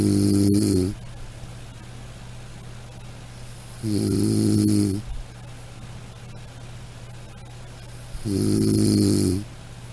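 Loud rumbling snores on each in-breath, about 14 a minute, separated by quiet exhalations; ordinary snoring.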